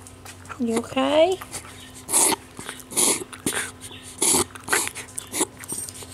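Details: Dog Charlie, owner unsure if asthma or reverse sneezing, episode ongoing for minutes: brief whine then a run of harsh, noisy snorting breaths consistent with reverse sneezing.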